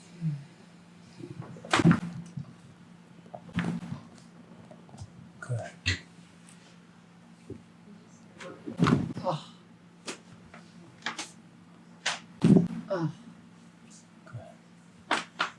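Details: Several sharp pops and clicks with soft breathing during a full-body chiropractic adjustment with toe cracking of an adult male former ski racer with knee pain; joint cavitation pops.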